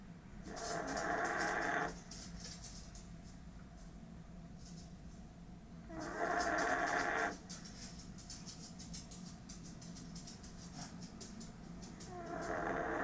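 Slow, rough, rattling noises of about a second or more, repeating every few seconds over a noisy room background, consistent with snoring.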